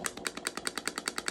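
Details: Rapid, regular sharp clicking pulses, about eight a second, from a radial shockwave therapy device (GAINSWave) applied to soft tissue during treatment for acute or chronic pain.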